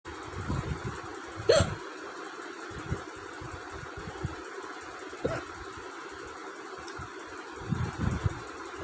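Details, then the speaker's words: Several sharp, brief hiccups at irregular intervals, recurring repeatedly, over a steady vehicle engine and fan hum. "बार बार हिचकी होने लगती है, पता नहीं।"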